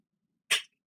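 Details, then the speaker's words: An adult who says they are a smoker and coughs from smoking gives a single abrupt, airy burst of hissing breath, under a fifth of a second. This is a sneeze. "whatever you do do not sneeze or cough at a store because [ __ ] think you got corona"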